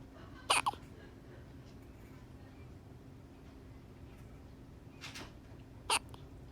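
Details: Brief sharp hiccups recorded 09/15/18: a paired hiccup near the start and another about five seconds later, over a steady background hum; hiccups.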